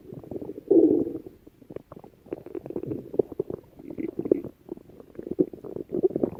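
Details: Stomach growling: irregular low gurgles, rumbles and squeaky bubbling pops over several seconds. Ordinary borborygmi.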